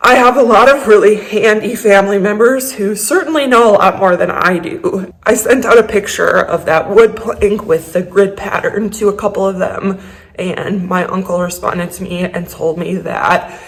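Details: Adult woman with a lifelong vocal disorder, a medical condition; vocal tremor.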